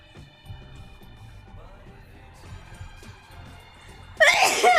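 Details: One sudden loud natural sneeze from a girl during a livestream, with quiet room sounds and soft background music before it.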